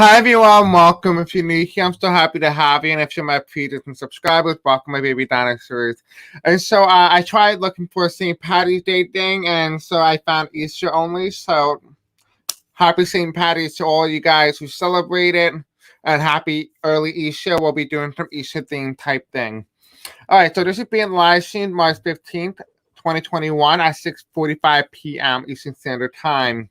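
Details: Man who says he has a deaf accent and may have a hard time pronouncing certain words; deaf speech (deaf accent).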